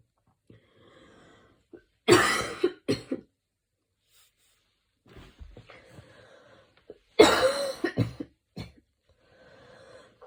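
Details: Evening coughing fit recorded while lying on the back. Two bursts of harsh, wet-sounding coughing, each a loud cough followed by one or two smaller ones, separated by quiet breathing.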